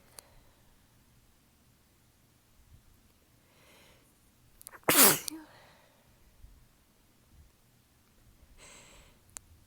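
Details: Stifled sneezing in a tickly sneezing fit attributed to allergies, weather change and fatigue, some sneezes held back as they hurt the throat: one loud burst flanked by softer, held-back sneezes and breaths, quiet room.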